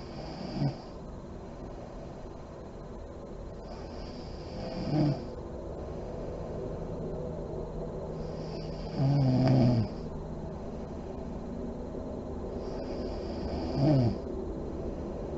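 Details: Sleeping mother in deep REM sleep, lights on: slow, deep snores about 16 a minute, some ending in a soft lip-fluttering puff; snoring.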